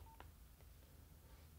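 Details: corpuls1 transcutaneous pacer therapy paused via "Pause" and a safety prompt: a short, high confirmation beep followed by a soft click.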